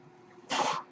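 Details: A quiet pause, then a brief airy whoosh of about a third of a second: a mechanical ventilator breath from the male podcast host's own ventilator, recorded in real life while he speaks.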